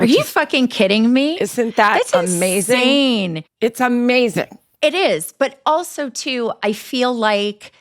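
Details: Adult woman speaking; typical voice.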